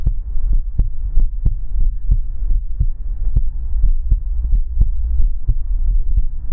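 Steady, regular low heartbeat thumps in paired beats, about 90 a minute, over a soft low hum.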